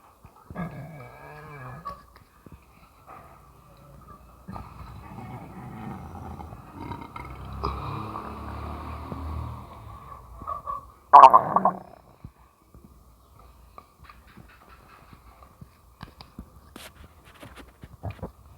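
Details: Stomach rumbling with belching: low gurgling stomach rumbles build into a long growl, followed by a short loud belch.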